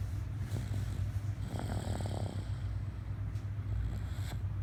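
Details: Snoring during sleep: steady deep rumbling snore with low droning vibration throughout.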